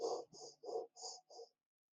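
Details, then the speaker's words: Hollow, breathy 'o'-timbred blowing on both inspiration and expiration, imitated by mouth while teaching chest auscultation: cavernous (cavitary) breath sound over a lung cavity in consolidated lung. "voy a escuchar un soplo cavitario, que no es nada más que como un tubárico pero o."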